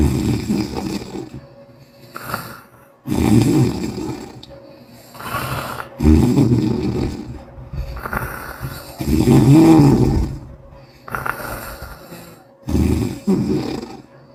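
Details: Loud, rough snoring on each inhalation, about 18 breaths a minute, with faint music in the background; described as an Asian, Korean girl snoring.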